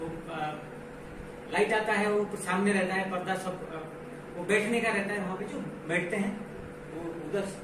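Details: Real patient in a clinical demonstration of Wernicke's aphasia, producing fluent but jargon-filled, meaningless speech in Hindi; Wernicke's aphasia.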